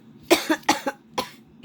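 Three short, harsh cough bursts from an adult, acted, in quick succession.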